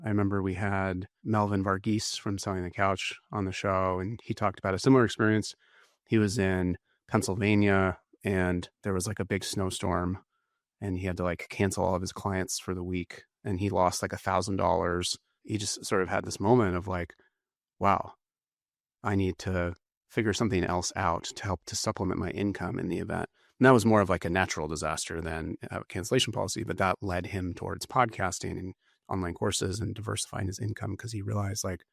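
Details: Adult man speaking; normal voice.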